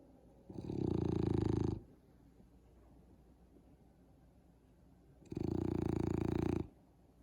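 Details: Loud, low, rattling snores, each lasting over a second, about 12 breaths per minute, with quiet pauses between: snoring.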